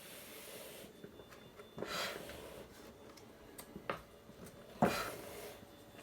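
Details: Homemade mechanical ventilator running 60 hours straight, the last 10 hours on a power pack: soft airflow whooshes about every three seconds, roughly 20 per minute, faint mechanical clicks, low room hiss.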